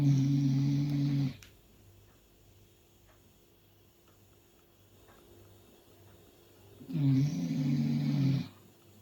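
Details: Loud, deep, buzzing snores from a dog: two long snores with quiet pauses between, deep and man-like.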